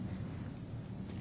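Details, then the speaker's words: Normal transmitted voice sounds heard over the posterior thorax with stethoscope diaphragm as the patient says ninety-nine: muffled, indistinct low voice, no bronchophony. "if you hear bronchial or bronchovascular breath sounds where they should not be listen for transmitted voice sounds now I want to say 99"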